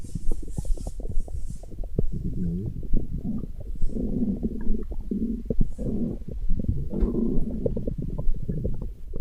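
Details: Continuous low gurgling and rumbling with rapid bubbling pops throughout: stomach growling, ordinary bowel sounds (borborygmi).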